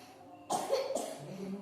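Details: Child coughing after tiring themselves out playing, with back pain mentioned; two short coughs over quiet room noise. Cough.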